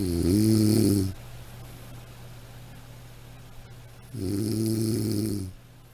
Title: Snoring sound